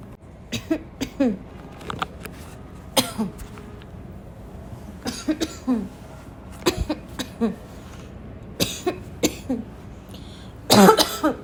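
Repeated harsh, barking coughs mixed with throat clearing, about a dozen bursts; a recurring barking cough.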